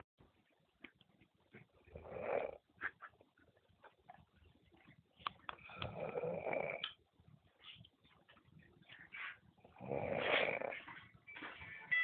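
Soft, irregular snorting breaths through the nose, louder on some breaths, with faint room noise: snoring.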